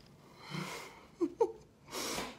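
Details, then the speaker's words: Snoring from an 11-year-old dog resting nearby, a habitual heavy snorer that also snores at night: soft rasping breaths with snorting catches, a quiet snore considered normal for his age. "Et Cachou, tu ronfles, hein, cochon. Hein, c'est lui qui ronfle. C'est normal, hein? Il a 11 ans."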